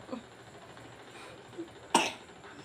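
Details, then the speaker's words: A single short, sharp real cough from a child, after first pretending to cough, against quiet room noise. "Kalau batuk Oh [Musik] gitu Itu batuk Beneran"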